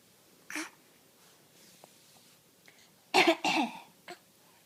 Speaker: Do you have a cough? Oh my goodness.